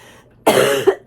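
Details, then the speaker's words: A single harsh, rough cough burst, then brief throat-clearing, from a woman with influenza, now mostly in her sinuses with a fiery throat. "I say, "Oh my gosh, I think I'm getting better." As they cough like that. So disgusting."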